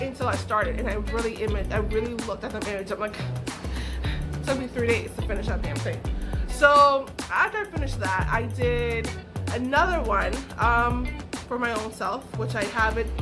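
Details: Adult woman with aphasia following a stroke, which she says took away her ability to talk, write and paint; aphasia.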